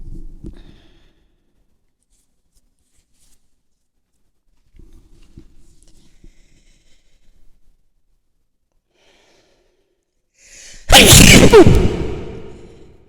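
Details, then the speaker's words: Father's Day recording of an adult sniffing chinook powder placed on a piece of paper to induce sneezing; quiet sniffing and breaths, then one loud explosive sneeze with a trailing exhale. "i'm gonna do a couple sneezes today i've got chinook d powder on a little piece of paper"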